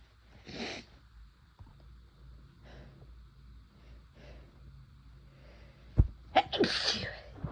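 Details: Several sharp sneezes with quick breaths between, the last loudest and closest together, set off by first-time use of chhinkni snuff.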